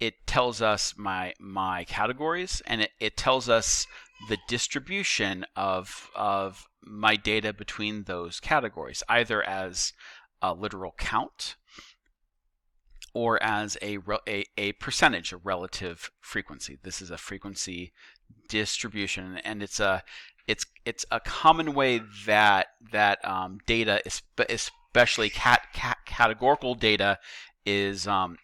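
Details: Male teacher who says he stutters and that repetitions heard are his, not the video buffering; real, not acted; stuttering.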